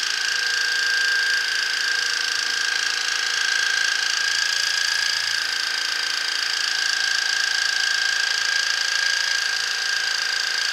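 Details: Ear irrigation with a modified Waterpik for impacted earwax, both ears blocked: steady fast pulsing motor buzz with high whine, about 200 pulses a minute, rinsing the ear canal; patient reports slight dizziness.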